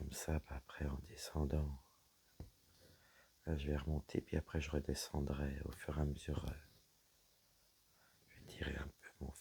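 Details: Woman whose vocal cords were damaged by a serious health problem; she reports her voice is now deeper than before, at times she has little voice, and she cannot speak loudly. Dysphonia.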